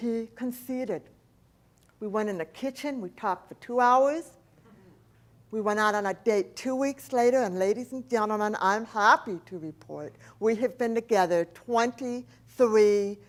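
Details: Adult woman, profoundly hearing-impaired since age four after a 106-degree fever destroyed about two-thirds of her hearing; deaf speech (speech of profound hearing loss).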